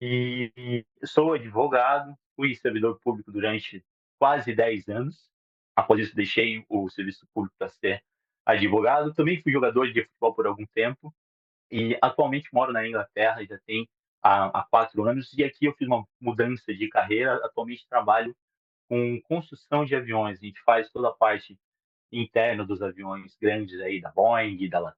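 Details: 37-year-old Portuguese-speaking man who stutters since childhood, with particular difficulty on words starting with R; stuttering.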